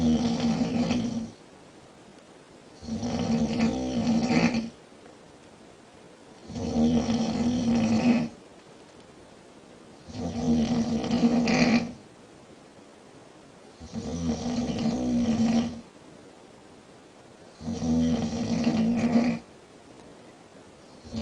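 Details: Girl snoring at night with audible bubbling: six loud, steady, rattling snores with silent gaps, about 16 breaths a minute; regular heavy snoring.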